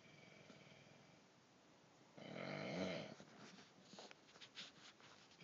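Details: A single loud rattling snore with a short snort and softer breath noises after it, in a quiet room; snoring.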